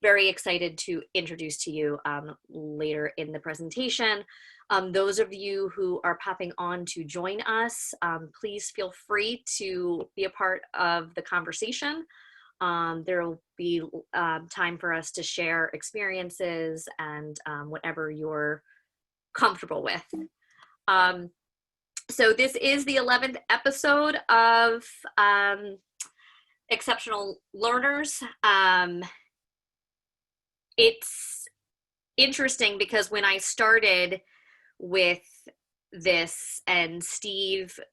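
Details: Self-identified person who stutters; the speaker says listeners can hear the stuttering in their pauses and repetitions. Finding: stuttering.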